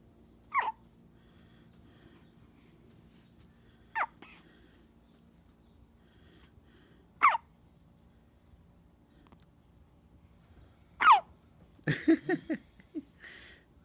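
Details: Four brief, sharp catching sounds a few seconds apart in a quiet room, then fussing noises; first hiccups.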